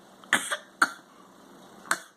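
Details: Voluntary cough: a young girl gives three short, dry, deliberate coughs, a pretend cough so she can have water.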